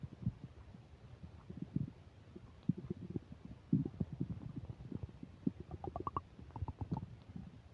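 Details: Upset digestion while eating a burger and fish fries, microphone close to the belly: loud gurgling and bubbling rumbles with squeaky rising tones; active bowel sounds (borborygmi) during digestion.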